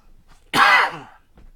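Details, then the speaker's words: A single sudden, harsh, explosive adult cough with a brief voiced tail in a quiet room during an audio show recording, where the cough mute button failed. "You hear that? Cough button didn't work."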